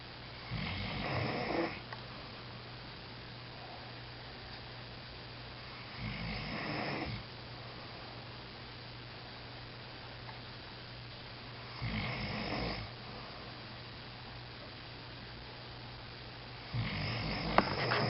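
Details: Noisy snoring bursts about every five seconds, roughly 12 per minute, with a steady low hum between; snoring during sleep.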